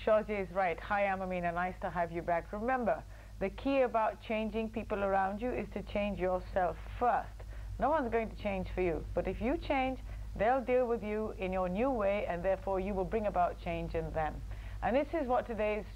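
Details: Adult woman speaking; Normal fluent speech.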